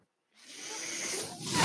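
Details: Brief silence, then a steadily rising airy hiss as the speaker's own home mechanical ventilator cycles and delivers a breath during his podcast recording.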